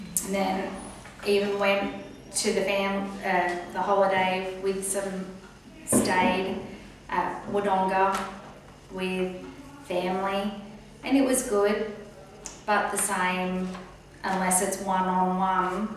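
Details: Post-stroke aphasia in an adult woman, recorded about a year after an earlier video to show her progress; she talks much only one-on-one. Finding: aphasia.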